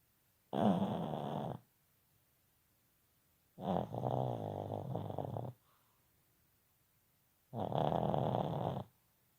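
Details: Sleeping subject, heavy snoring: three loud, rough, rattling breaths, each one to two seconds long, with quiet pauses between them.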